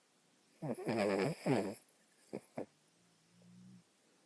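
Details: Snoring in a female dog, reportedly while awake: a short burst of rough, fluttering snorts and snuffles, then a faint low hum.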